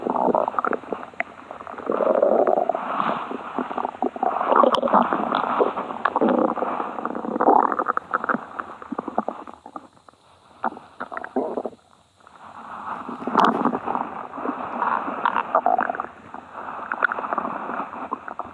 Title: another rouge stomach growling